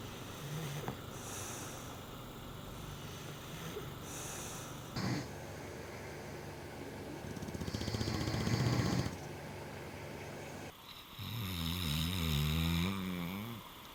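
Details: English Bulldog snoring while asleep: repeated low, rattling snores with snorting from a flat-faced dog, several cuts between stretches.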